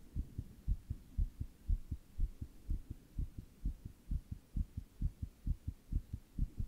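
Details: Own heart recorded while sitting in 100-degree heat during a heatwave: rapid, regular paired thumps at about 120 beats a minute, tachycardia.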